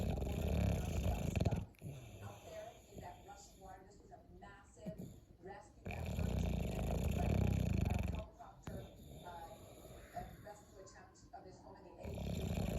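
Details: Bulldog snoring: loud, rough, low snores on long drawn-in breaths, three over about 13 seconds, separated by quieter snuffling exhales.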